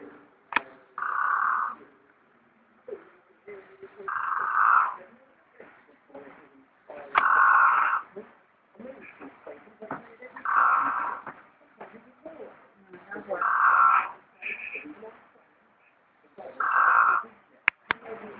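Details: Snoring person: regular snores recurring about every three seconds, roughly 19 a minute, with quieter breath noises between them; ordinary snoring.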